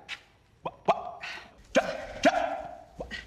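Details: Acted film portrayal of an adult male teacher with Tourette syndrome: several short, sudden bark-like vocal bursts at irregular intervals, vocal tics.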